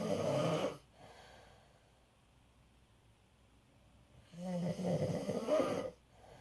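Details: Father snoring in sleep: two loud, rough, low snores separated by a quiet pause of about three seconds.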